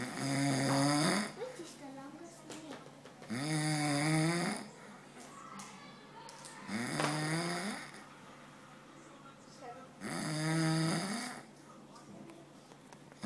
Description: My dad snoring! Must watch!